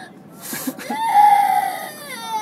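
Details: Young child crying at Victoria Peak, Hong Kong: a loud, high-pitched wailing cry rising after a brief whimper; ordinary crying.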